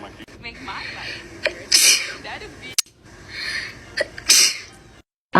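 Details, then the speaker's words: Woman with a nasal feeding tube sneezing uncontrollably while re-taping her tube: repeated sharp, explosive sneezes in rapid succession, each preceded by a quick indrawn breath, a run of sneezing. "thank you thank you i was trying to film a video of me re-taping my tube and i couldn't stop sneezing"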